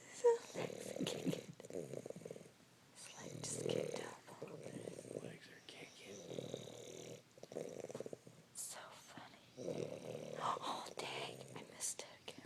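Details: Mac snoring, repeated rough fluttering snores with each breath, some snorting and uneven rhythm, in a quiet room.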